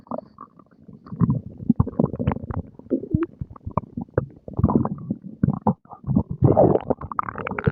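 Frequent gurgling and growling abdominal sounds, ordinary active digestion after a meal.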